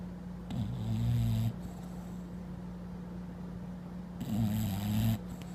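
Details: Snoring from a sleeping bulldog lying on a bed.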